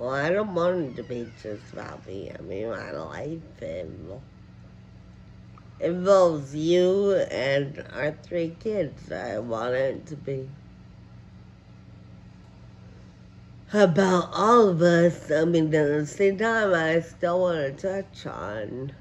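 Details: Adult woman with advanced, progressive Friedreich ataxia, a neuromuscular disease; ataxic dysarthria.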